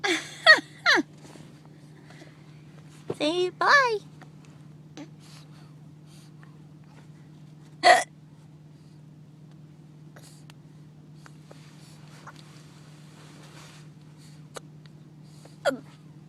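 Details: Two people in a parked car having a hiccup battle: sudden short voiced catches at irregular intervals, with some vocal sounds over a steady background hum, fitting hiccups.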